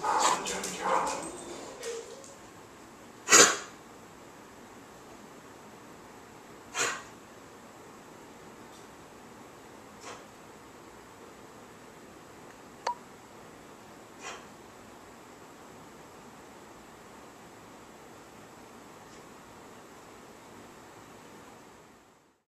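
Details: Dog (Duchess) with kennel cough at onset: a few brief, faint, soft coughs spaced several seconds apart in a quiet room.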